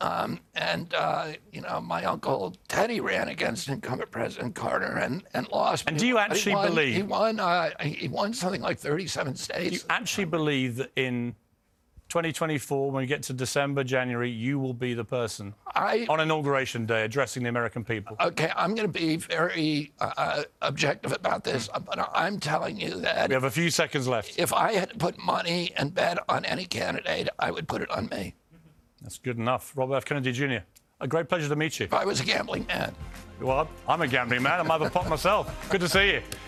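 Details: Adult man; onset at age 42 after a 1996 injury; nerve signals make his vocal cords tighten constantly, cords themselves uninjured; surgery in Kyoto about eight months earlier, now alternative therapies; spasmodic dysphonia.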